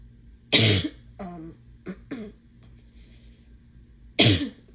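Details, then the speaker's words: Cough in a person with allergies who is stuffed up, itchy, sneezing and losing their voice: two harsh, explosive cough bursts separated by soft throat sounds. "I'm just like stuffed up and itchy and Sneezy and coughing"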